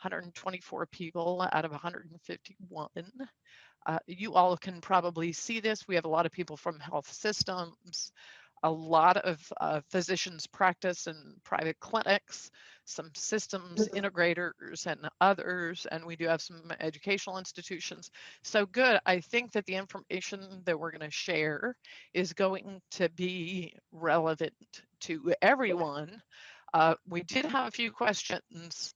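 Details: Adult with spasmodic dysphonia, a neurological vocal cord disorder the speaker says acts up; diagnosed a couple of years after 2001 via a telemedicine consult; also has Duane syndrome, a neurological eye disorder; spasmodic dysphonia.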